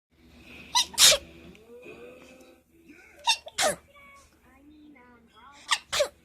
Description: Sorry I sneeze like anime girls 0w0